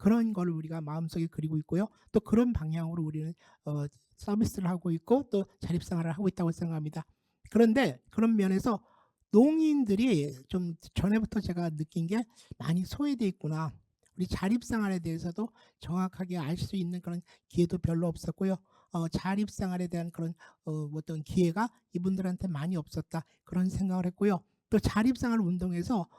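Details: Adult speaker; Typical speech.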